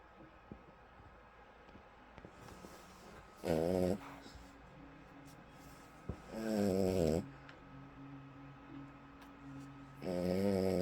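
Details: Snoring in a dog: three loud, fluttering snores about every three seconds, each on an inward breath, with quieter breathing between them.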